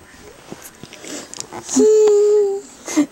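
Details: Young child fake snoring with his eyes open: a drawn-out, humming pretend snore followed by a short snort, an imitation, not real snoring.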